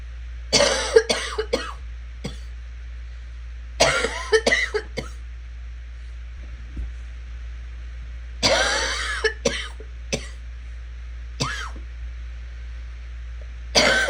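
Repeated clusters of harsh coughs, about five bouts with short single coughs between, over a steady low hum; persistent coughing.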